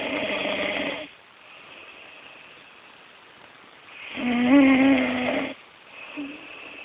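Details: Loud rattling snores on the in-breath with quieter breathing between, from the speaker's sleeping mother; ordinary sleep snoring.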